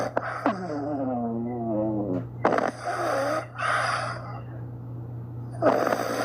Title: snoring puppies | loud snoring puppies | sleeping soundly | #shorts #snoring #puppy #cute